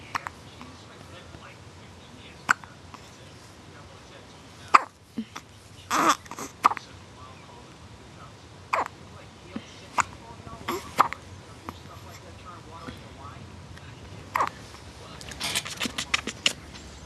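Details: Baby girl with hiccups: short, sharp hiccup sounds every second or two, with soft background noise; infant hiccups.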